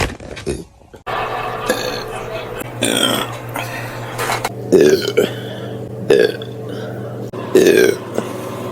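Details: Burp compilation of several loud, drawn-out voiced belches in a row with a steady hum behind; repeated burping.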